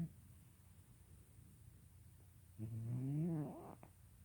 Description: My cat Kitten (yes that's his name) snoring.